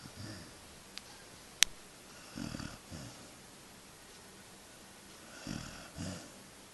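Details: A sleeping husky puppy gives soft, low rumbling snores in repeated pairs with each breath, with brief clicks and quiet room noise; ordinary snoring.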